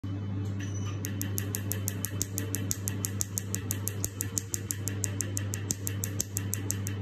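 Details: Tattoo-removal laser firing during a removal session: steady sharp clicking pulses, about two per second, over a low machine hum.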